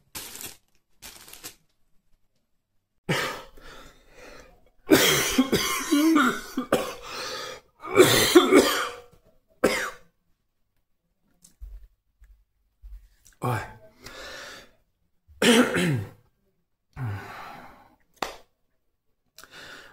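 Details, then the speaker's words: Adult's repeated harsh, dry coughing in short bouts; persistent bronchial cough that won't go away despite treatment, now deeper, more painful and dry. "общем, мальчики и девочки, как вы слышите, проблема кашля, проблема с бронхами, никуда не девается, никуда не уходит, не исчезает."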